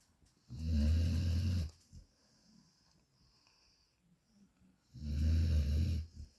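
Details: Loud snoring in a sleeping dog: two loud, low, rattling snores about four seconds apart with quiet breathing between.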